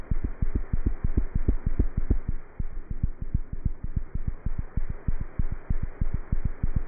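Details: Cat's heart heard through a stethoscope: fast, regular low thumps close to 190 beats a minute with a faint hum beneath; cat heart sounds.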